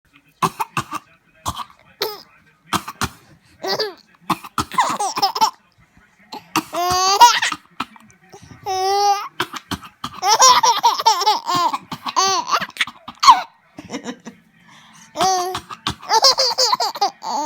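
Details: A young child gives several short, sharp coughs mixed with bursts of high-pitched giggling.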